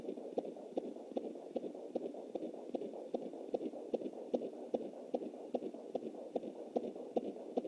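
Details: Fetal heartbeat at 20 weeks + 7 days with an anterior placenta, heard on a Jumper Doppler: rapid, regular whooshing thumps at about 150/min, galloping. This is distinct from the mother's pulse of 93 picked up through the artery.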